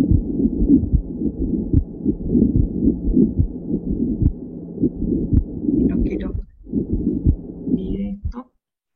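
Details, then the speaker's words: Pericardial friction rub: heart sounds with a continuous scratchy, grating noise over each beat, likened to rubbing hair beside the ear. "Jadi kalau misalnya mau dengerin contoh RAB itu kayak rambut digesekkan plus didengerin dikuping itu ora Arabnya"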